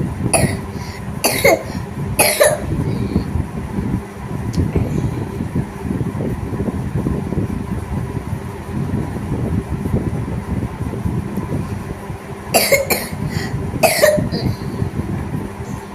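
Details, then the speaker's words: Persistent, continuous cough in a patient coughing every 10–20 seconds, worse with movement, draughts and crying: five short coughs in two bursts over about 15 seconds against a low rumbling background. "Continuous calf unstoppable constant calf কতক্ষণ পর পর কাশিটা হচ্ছে"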